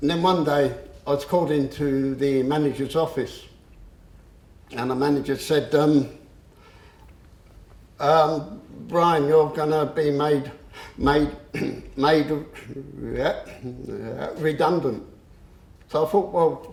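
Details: Adult man who has stammered since about age seven, onset after the shock of losing his parents, and who still stammers on a few words; stuttering.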